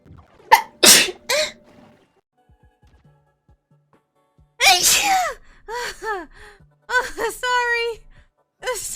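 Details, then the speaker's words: Several sharp sneezes from a VTuber streamer who says they are sneezing and feel unwell, followed by a few short voiced sounds after a pause; ordinary sneezing. "Allah, I might have to sneeze. I'm sorry. Oh God, sorry. So, wait, I'm gonna sneeze."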